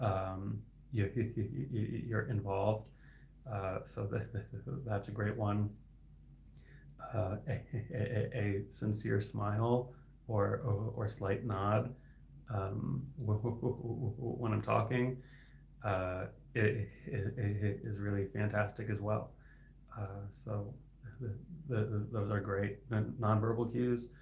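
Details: Adult man who stutters and is a licensed speech-language pathologist; his stuttering is inconsistent, with words sometimes stuck for seconds; sound repetitions heard; finding: stuttering.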